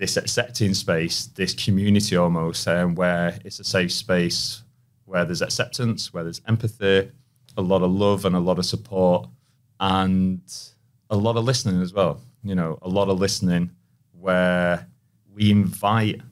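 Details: Persistent stuttering in an adult male who has stuttered since childhood, with repetitions, prolongations and blocks.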